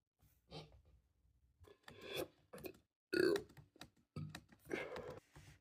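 A series of several low, rough, drawn-out burps with short pauses in a quiet room.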